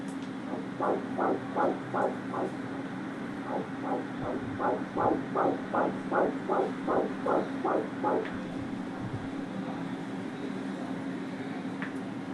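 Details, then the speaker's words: Fetal middle cerebral artery Doppler: rapid pulsing whooshes at about 150 a minute with brief gaps, showing markedly reduced, apparently absent or reversed diastolic flow; possibly pathological or due to technical factors such as PRF, wall filter or probe pressure. "So, what do you think about this Doppler waveform? We are seeing absent or reverse diastolic flow in the fetal MCA."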